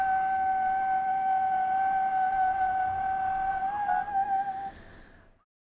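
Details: Vocal fold nodules with mucosal chatter that worsens toward the end of the sequence.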